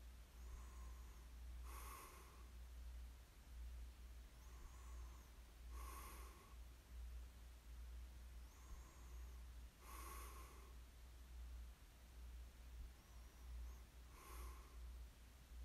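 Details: Light adult snoring during sleep: soft, snorting snores with breathy exhales, roughly one every four seconds, over a steady low room hum.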